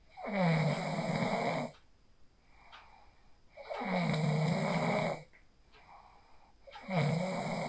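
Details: Phone recording of a person sleeping after practising the 4-7-8 breathing technique: loud, rough snores on each inhalation, about 18 breaths per minute, with quiet exhalations between. Snoring.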